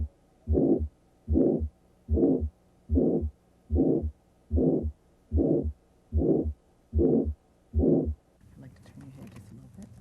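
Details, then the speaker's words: Illustrative demonstration of a carotid bruit, auscultated with the stethoscope bell over the neck: regular whooshing bursts with each pulse, about 74 a minute, suggesting arterial narrowing. "a bruit is a whooshing murmur like sound that suggests arterial narrowing if present it would sound like this"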